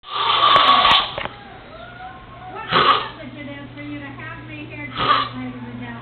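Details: A roommate snoring during a nap: loud, rough snorts recur every couple of seconds, with quieter tonal sounds between them.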